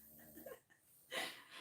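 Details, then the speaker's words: Adult female French bulldog, mother of 2-week-old puppies, snoring loudly while sleeping in the corner: a single rough, rattling snore from a flat-faced dog, followed by a breathy exhale. "That's Mama snoring in the corner. They're Frenchies. They're pretty loud with their snores."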